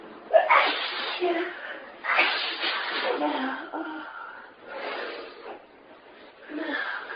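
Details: Prolonged sneezing fit: repeated sneezes in close succession with voiced gasps and outbursts between them.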